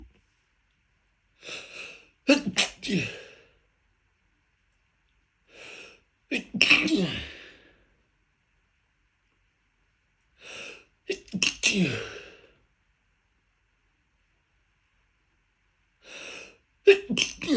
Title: Sneezing Fit - Pollenseason is starting #sneezing #allergies #pollen #pollenallergy #niesen